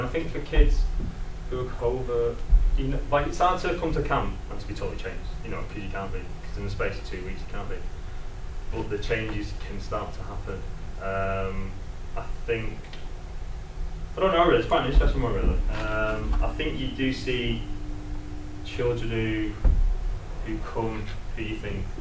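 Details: Adult male presenter who lives with a stammer; stuttering.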